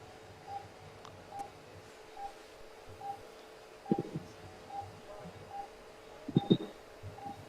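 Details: Right-ear stapedotomy for otosclerosis using CO2 laser and titanium piston: short soft laser firing beeps at under one-second intervals over quiet operating room noise.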